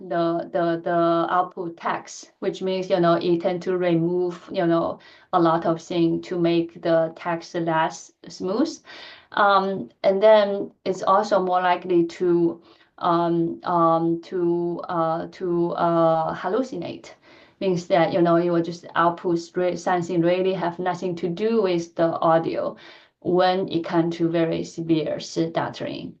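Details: Adult woman who stutters, speaking in a lecture; she says her stuttering pattern varies greatly with listener and situation; stuttering.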